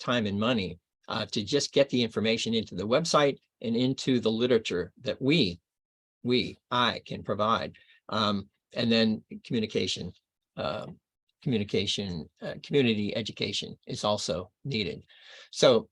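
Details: Archival recording of an adult man reading aloud within two years of a left-hemisphere stroke in Broca's area; expressive aphasia with paraphasias and poor reading ability.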